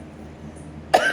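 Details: Chronic cough in an adult with a bad lung infection affecting breathing and chest congestion, treated with nebulizer and inhaler, not on oxygen.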